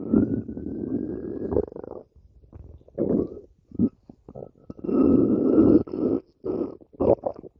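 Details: Low gurgling, rumbling bursts of irregular length, some long and drawn out, others short and bubbly, separated by quiet gaps; stomach growling (borborygmi).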